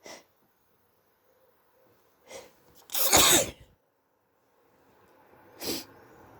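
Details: Sneezing from suspected hay fever with an early cold, sore throat, itchy, blocked stuffy nose and mouth breathing: a few sharp sneezes and a long wet nose blow.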